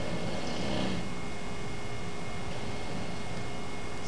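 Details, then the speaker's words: Continuous rough, rattling snoring over steady room noise in a sleeping man with sleep apnea, recorded during assessment at a sleep centre; breathing stops, then resumes, often with snoring, after an apnea. "vous aveit des ronflements une respiration qui est halente et ce monsieur s'arrête de respirer pendant son sommeil"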